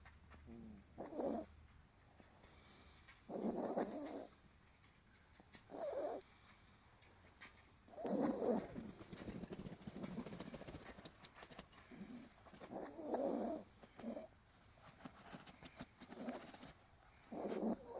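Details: Soft, rough snores about 13 times a minute with each breath in a sleeping pet dog; ordinary snoring.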